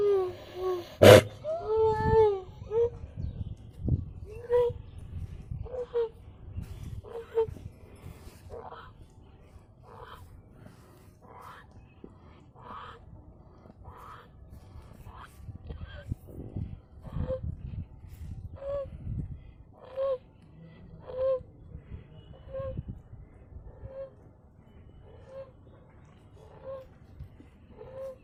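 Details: Calf with stridor: a harsh, high-pitched crowing noise with each breath, about 44 breaths a minute.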